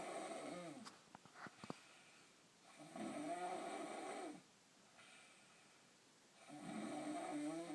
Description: My sister embarrassingly snoring at night very loud